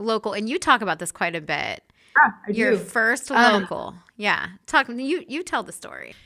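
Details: Adult woman, conversational interview; Normal fluent speech.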